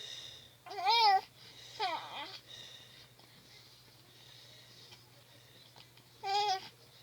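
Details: Infant crying in three loud, high, wavering bursts separated by quieter fussing while a caregiver tries to soothe the baby to sleep and to feed, with a steady low room hum; ordinary infant crying.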